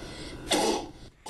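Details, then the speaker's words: Five-year-old child with sporadic, uncontrollable coughing, unhelped by tests and medications for over two years, later diagnosed by a neurologist with Tourette syndrome; a single brief, forceful cough, a vocal coughing tic. "when five-year-old started coughing sporadically and uncontrollably doctors tried a variety of tests and medications"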